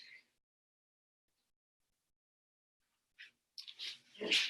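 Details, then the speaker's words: Dog sneezing: quiet, sharp nasal bursts in a brief sneezing episode, heard at a distance in a quiet room. "you can hear my dog sneezing"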